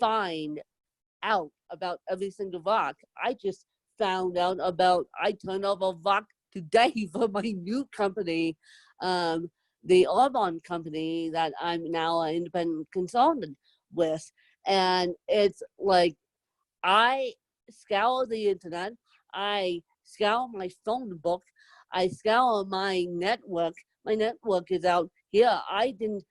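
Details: Adult woman with moderate to severe cerebral palsy, needing help 24/7; whether her own speech is impaired is not stated; dysarthria in cerebral palsy.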